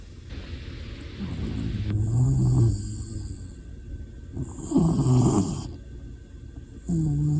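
Low rumbling snores on breathing in, with steady background hiss and a faint high tone; ordinary snoring.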